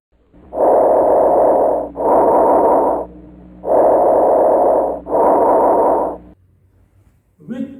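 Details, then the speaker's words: Normal bronchial breath sounds on auscultation: loud, hollow, hissing breathing with equal inspiration and expiration and a brief pause, normally heard over the trachea, the suprasternal notch and the interscapular region at T3–T4. "if you are doing escalation the bronchial sounds all appears like this"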